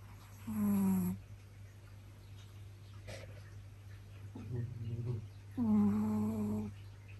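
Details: Dogs upstairs snoring back and forth, one fainter because farther from the recorder.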